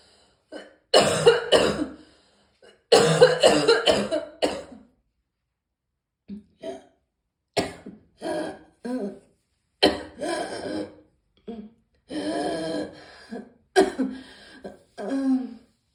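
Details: Repeated harsh cough bursts in clusters with pauses, some with throat clearing; morning coughing bout.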